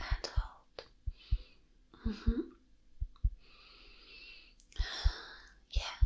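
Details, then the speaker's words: Simulated roleplay exam of a nervous patient reporting chest pain; stethoscope on the back while leaning forward and breathing normally; soft regular heartbeat about 62/min with whispery breath and handling noise: normal heartbeat. "so far it's cute it sounds very nice yeah nice heartbeat i told you you have no reason to be worried about"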